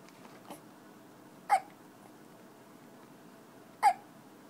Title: More hiccups